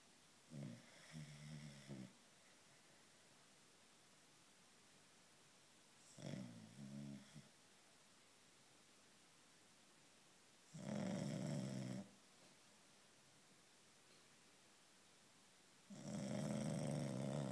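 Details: Bulldog snoring after a long walk: four loud, rough snoring breaths several seconds apart, each a low rattling rumble on inhalation; snoring.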